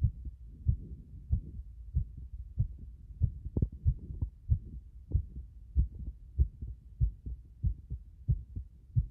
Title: 不整脈多発な心臓音